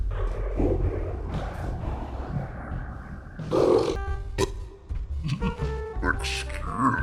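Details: Comedy scene with a teddy, sound altered with Gamavision/Csupo-style effects: loud, low, drawn-out burping over music and room noise, with repeated "excuse me"; belching.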